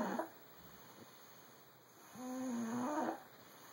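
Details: Sleeping animal snoring: a single drawn-out, faintly whining snore on the in-breath in a quiet room.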